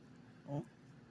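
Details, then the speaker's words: Single brief, low-pitched, snore-like musical wheeze in a patient whose lung was accidentally partially collapsed during surgery, doing breathing treatments while it heals; wheeze. "you can hear that wheezing sound that sound where it sounds like I'm snoring. Um, that sound is because of the collapsed lung or part partly collapsed lung."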